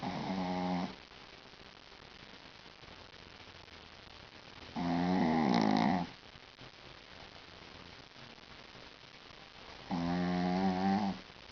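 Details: Small dog snoring: slow, buzzing, droning snores about every five seconds (roughly 12 a minute), quiet between.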